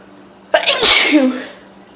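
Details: A loud hayfever sneeze in someone suffering badly this year: a quick in-breath, then a sharp explosive burst that fades within a second.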